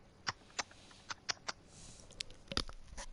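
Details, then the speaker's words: A person habitually twists their neck, producing a series of sharp, quiet pops and clicks over a low hiss: a full neck crack. "I just cracked my neck really well. Like full crack."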